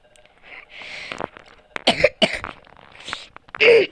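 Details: Child gaming while apologizing for coughing: several short, harsh cough bursts over a quiet room background; ordinary cough.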